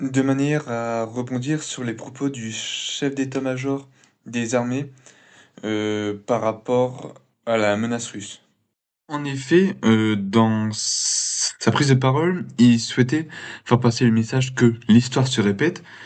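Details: Male speaker who has stuttered since he began to speak; stuttering.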